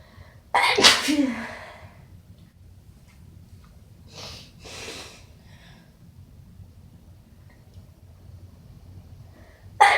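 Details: Strong wet sneezes with quieter sniffs and breathy sounds between, another sneeze starting at the end; sniffling and a nose blow accompany.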